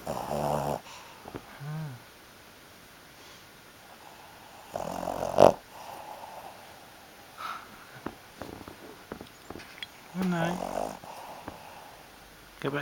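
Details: Fifteen-year-old Shih Tzu asleep who won't wake; irregular snorting snores and snuffles with occasional clicks, and hiccups are mentioned: snoring.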